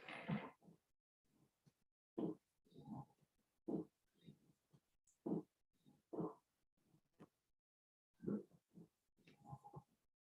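Repeated low, grunting added sounds with each breath, in both early inspiration and throughout expiration.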